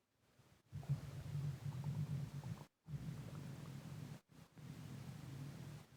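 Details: Heavy breathing with stomach gurgling: low, continuous rumbling in three long stretches broken by brief silences, soft bubbling on top; ordinary bowel sounds.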